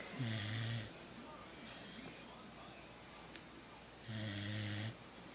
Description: Beagle snoring hihi